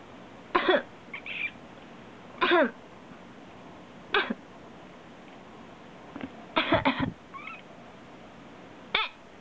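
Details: Adult's deliberate, staged coughs, each answered by soft meows and chirps from a black cat who responds when the owner coughs.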